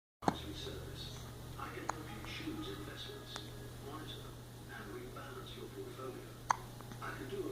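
Three abrupt hiccup clicks spread over several seconds against background talk and low hum; hiccups.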